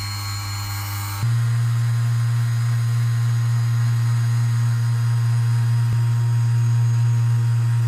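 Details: Percussion massage device used on back muscle knots during a chiropractic visit for chronic widespread pain: steady low motor hum that starts abruptly.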